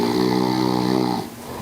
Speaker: IT'S THE NIGHT TIME NOISE THAT YOU OR YOUR BED PARTNER. DREADS SNORING CAN RUIN A RESTFUL NIGHT'S SLEEP FOR YOU AND OTHERS.